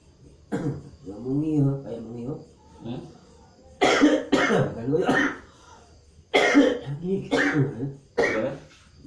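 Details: Adult man with a one-week cough, being treated with back acupressure therapy for a phlegmy cough: repeated harsh, wet-sounding coughs in clusters with throat clearing between them, a productive cough.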